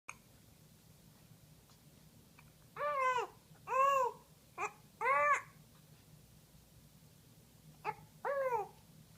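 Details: Infant making several short, high-pitched cooing and babbling sounds with rising and falling pitch in a quiet room: infant babbling.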